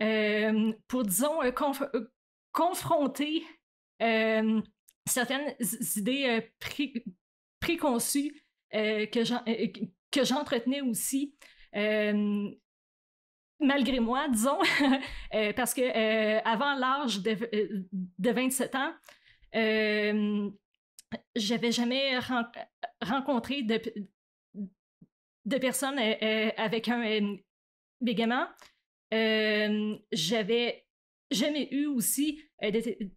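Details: Adult woman who stutters, with onset around age 7 or 8; stuttering.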